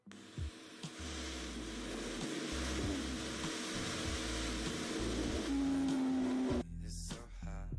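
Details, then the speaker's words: Rhonchi, likened to snoring and due to obstruction of large airways such as the bronchi: low-pitched, snore-like continuous rumbling breath sounds. "Y están los roncos de semejanza a los ronquidos y que se deben a obstrucción de grandes vías aéreas como los bronquios. Y se escucharían algo así."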